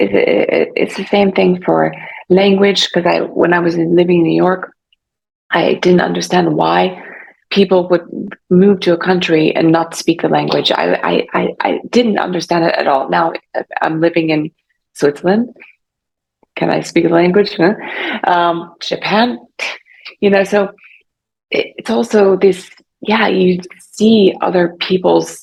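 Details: Adult woman 3.5 years after a stroke from carotid artery dissection; initially severe aphasia saying only one word, also agraphia and persistent reading difficulty; still has aphasia and is in speech therapy: aphasia after stroke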